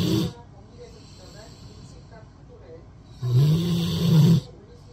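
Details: A Rottweiler dog asleep using a person's arm as a pillow, giving loud, deep snoring with one long rumbling snore and quiet breathing before it.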